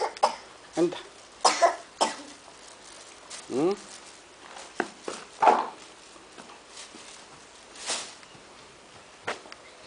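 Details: Scattered single coughs and throat-clearing outdoors in a backyard after running, with background noise and a few voices; cough.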